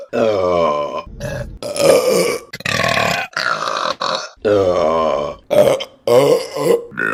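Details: A compilation of deliberate burping from August 2022: a series of loud, long, croaking burps in quick succession, some with a voiced rumble, in a small room.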